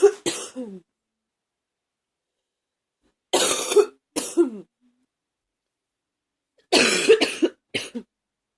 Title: # 58 coughing hard #2